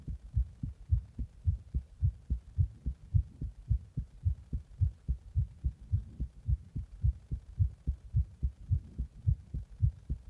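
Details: Heart after drinking a Monster energy drink in the bath and applying compression: strong, regular low heart thumps at about 107 beats a minute, a rapid heartbeat.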